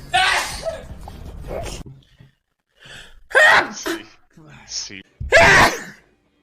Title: Sneezes